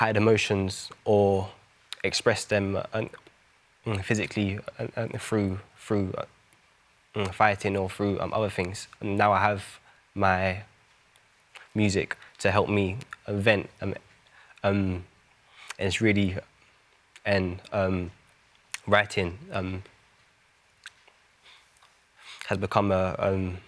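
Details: Stammering in an adult male singer, who has had a stammer since his school years.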